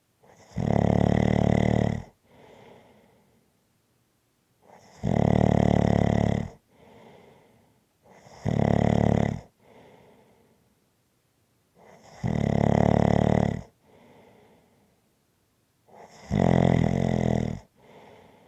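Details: Person sleeping, recorded as relaxing ASMR snoring sounds: loud, rough snores on each in-breath, about 15 a minute, each followed by a softer out-breath; regular snoring.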